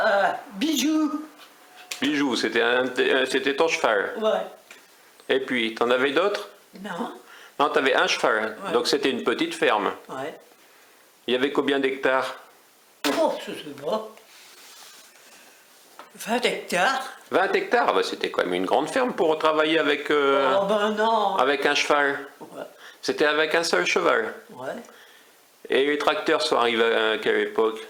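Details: Older adult woman in conversation with an interviewer, French; conversational speech.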